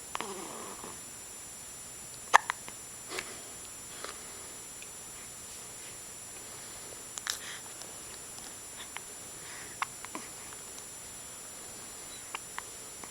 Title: Hiccups.AVI